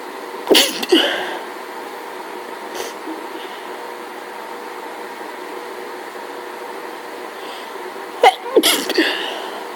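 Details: Two pairs of sharp sneezes in quick succession, separated by a quiet pause, against faint room hum, during a hay fever allergy fit with sneezing every few seconds; repeated sneezing.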